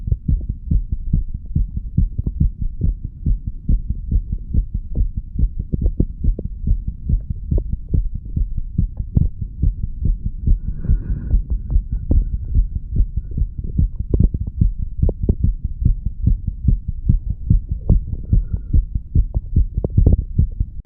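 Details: 35-year-old under the influence of medical marijuana and tobacco: regular, fast, low thumping heartbeat, roughly 140 beats a minute, with a steady low hum underneath.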